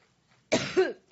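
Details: A woman's coughing fit at a Labor Day campaign rally in Cleveland, Ohio, which she called an allergic reaction while speaking: a single loud, harsh cough ending in a vocal sound as it fades.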